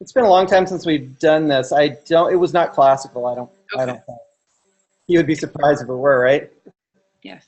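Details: Adult speaker; ordinary conversational speech.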